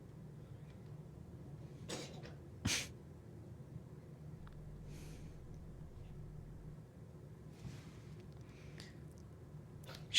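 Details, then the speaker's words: A congested cat struggling to breathe gives snorting, sneezy bursts and coughs over a low rumble, fitting nasal congestion with noisy breathing; the owner plans nebulizer treatment. "She's having a hard time breathing. She's really congested and we have to figure out."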